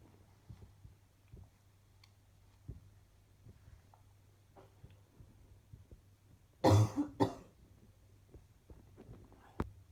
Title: Another set of clips from today's coughing